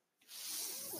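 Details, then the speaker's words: The speaker's own mechanical ventilator, heard while he talks on a podcast: a quiet pause, then a steady, hissing rush of air as it delivers a breath. "okay my name is noisier he's my ventilator"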